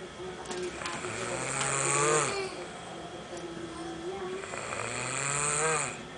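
Two long, loud, rattling snores on drawn-in breaths, with a softer whistling note between them: snoring.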